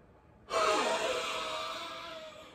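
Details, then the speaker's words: Physiotherapist demonstrating a huff (forced expiration) in the active cycle of breathing technique for airway clearance: one strong open-mouth breath out, like fogging glasses, fading over two seconds. "so a huff is you want to think about a huff like you're trying to fog up uh your glasses so it's going to look like this i'm going to take a breath in"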